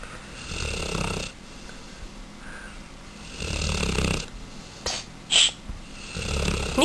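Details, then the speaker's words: Mastiff puppy snoring with its eyes open: three rough, rumbling snores at uneven intervals in under seven seconds, with a brief faint whistle and room noise; loud snoring. "Snoring bastard! Nico, wake up! You snore with your eyes open."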